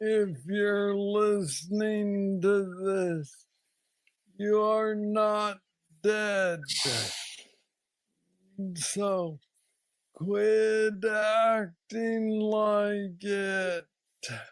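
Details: Man diagnosed with Parkinson's disease at age 35, about nine years earlier, with what he calls the most aggressive form he knows; treated with a brain stimulator implant. Hypokinetic dysarthria.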